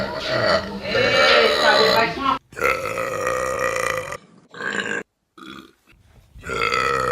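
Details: Compilation clip of deliberate burping: long, loud, rumbling burps with a vibrating throaty tone, one drawn out over two seconds, then shorter ones.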